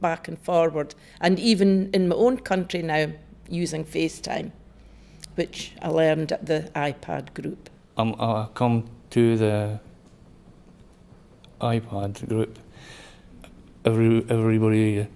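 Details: Member of an aphasia iPad support group describing their own aphasia, which the group links to stroke or brain injury; words are fragmented and hard to follow; aphasia.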